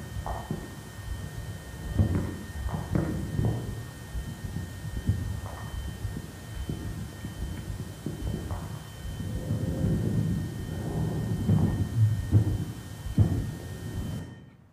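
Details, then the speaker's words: Recording from an average human ear: two faint, steady high-frequency tones over low rumbles and microphone crackle; spontaneous otoacoustic emissions. "Két magas frekvenciájú hangot fognak hallani, melyeket egy átlagos emberi fül ad ki."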